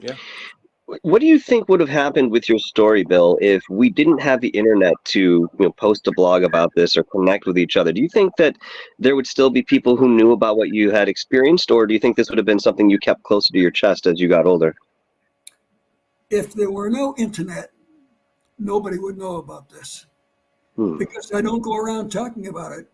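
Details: Adult man who had vocal cord cancer and operations; his voice was lost, then partly returned, and it does not carry far. Dysphonia after vocal cord cancer surgery.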